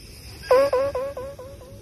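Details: Scottish Fold cat snoring while asleep, recorded close to a microphone.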